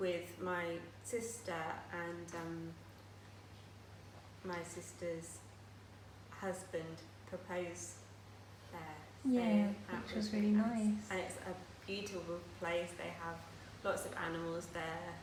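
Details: Aphasia in a woman who had a stroke at age 18, now living with it for 10 years; she still finds speech and reading difficult.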